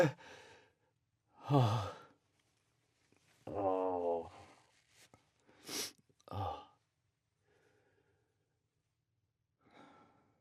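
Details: Adult sneezing after snuffing a new vial of Chhinkni; voiced, sighing in-breaths build to a sharp, hissing sneeze burst and a short follow-on sound in a quiet room.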